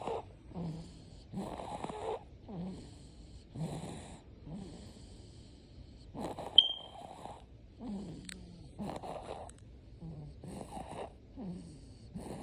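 Rhythmic snoring with snorting, nasal sounds on about ten breaths in twelve seconds, roughly 50 a minute, with quiet whistling exhalations between snores.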